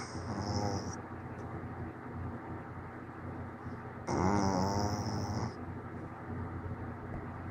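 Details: Rough, fluttering snoring: two snores, the second louder and longer, over steady low room noise.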